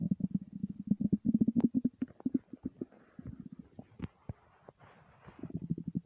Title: empty stomach rumbles without mic